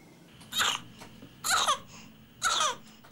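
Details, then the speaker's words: Infant with whooping cough: three short, strained, high-pitched cough bursts about a second apart, a painful whooping cough spell. "every portion of their body is in pain when they cough like that their eyes just get wider and wider and they just pleading with you to make it"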